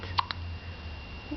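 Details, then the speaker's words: An infant hiccups: two brief, sharp hiccup sounds. "oops. Bless you. You got the hiccups? Uh-oh."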